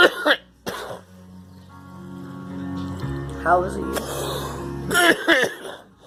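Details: Girl coughing: a few short, sharp coughs with music playing in the background.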